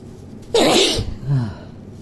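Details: Person sneezing: a single loud, explosive sneeze followed by a short voiced trailing sound.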